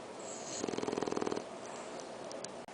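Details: Sleeping dog snoring with eyes open and tongue out: a brief buzzing, fluttering rattle on one breath.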